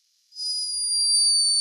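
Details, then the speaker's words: A thin, very high-pitched steady squeak from a sleeping hummingbird, recorded by a scientist in Peru: hummingbird snoring. "unmistakable snore hummingbirds are loved for their beauty and speed but this one was behaving a little bit like a human"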